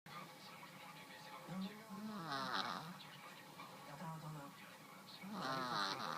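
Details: A snoring cat.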